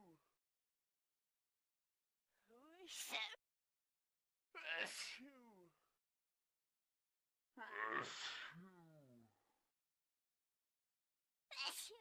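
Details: Several loud sneezes, each preceded by a rising indrawn breath, separated by silences; repeated sneezing.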